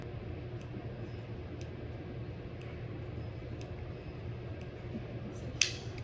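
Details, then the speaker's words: Quiet hiss with faint regular ticks about once a second, then a sharp click as an Omnipod 5 pod inserts its cannula on first-time wear; it felt like a little rubber band, and pink at the pod top confirms insertion. "feel fine like a little rubber band okay is the cannula properly inserted a pink color at the top of the Pod confirms with the candy look"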